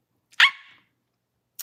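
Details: 27-year-old woman with Tourette syndrome; vocal tic (barking).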